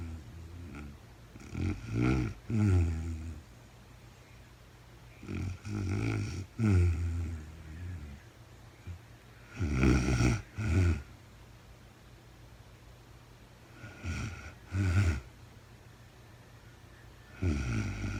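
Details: Adult woman recorded in real time during overnight sleep after being very tired: grouped rough, vibrating rumbling snores, about four breath cycles across eighteen seconds, in a quiet room; snoring.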